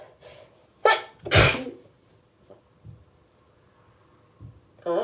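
A gasping intake and then two explosive sneezes close together, with another beginning at the end; repeated sneezing from hay fever.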